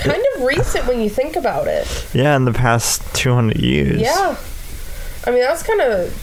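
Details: Adult speaker; typical speech.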